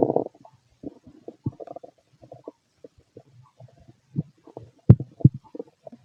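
Irregular low gurgles and rumbles from the abdomen: ordinary bowel sounds of normal digestion.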